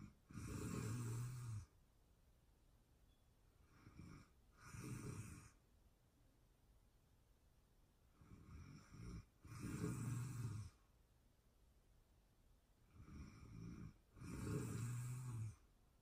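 Deep rattling snores on each breath in, with quieter breaths between, about 12 breaths a minute in a quiet room; ordinary snoring.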